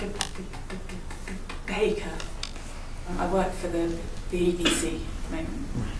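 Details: 25-year-old woman who has stammered for as long as she can remember, trying to say her name; stammering.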